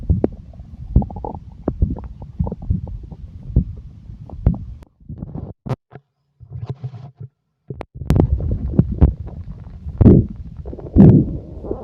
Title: the sound stomach growling versi exotic